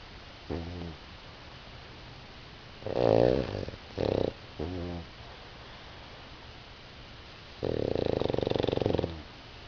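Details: Napping pug: rough, rattling snorts and a longer buzzing rasp on breaths while asleep, with quiet gaps between; snoring in a sleeping flat-faced dog.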